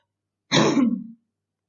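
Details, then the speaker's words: Girl in quarantine with very hard bronchitis: a single harsh throat-clearing cough; cough in bronchitis. "This is my my quarantine. A very hard bronchitis, really."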